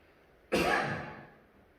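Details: A single harsh cough or throat-clearing burst from an adult preacher during a sermon in a quiet room; the speaker says they have lost their voice.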